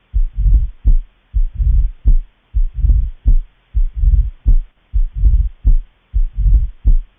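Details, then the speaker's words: Mitral stenosis on auscultation, best at the apex with the bell, patient lying left lateral: loud first heart sound, opening snap, and low-pitched rumbling mid-diastolic murmur growing louder toward end-diastole. "itched rumbling mid-diastolic murmur loud first heart sound is a typical finding of mitral stenosis murmur best hurt in apex and becomes louder in at the end of the diastole"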